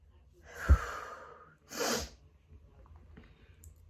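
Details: Adult with autumn allergies sneezing just after coming in from a walk: a drawn-in breath, then a single loud, hissing sneeze followed by quiet breathing.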